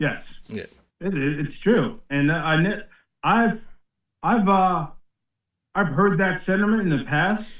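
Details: 56-year-old man with aphasia after a posterior-brain ischemic stroke in 2013, about 12 years ago, which also affected balance and strength; speech difficulties persist and worsen with fatigue late in the day. Aphasia.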